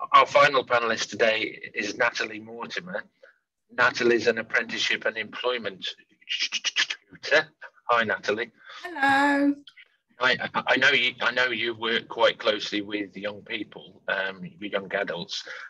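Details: Real stammering in an adult man who says he stammers and stammers openly; stammering.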